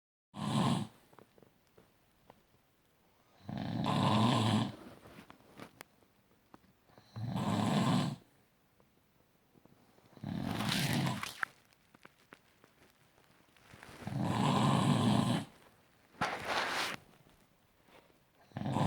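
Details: A person snores loudly and roughly on each in-breath: about six snores spaced several seconds apart, quiet between them.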